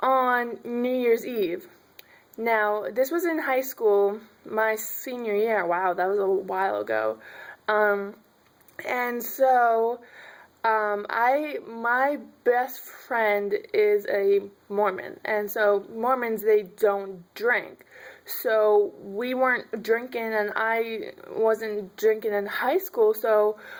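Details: Stuttering in an adult woman.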